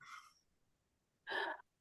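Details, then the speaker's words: Single adult sneeze from another room, heard at a distance during a conversation: short breathy intake, pause, then one forceful explosive burst. "what was that somebody sneezing in the other room that sneeze sounded like a St [Laughter] Bernard"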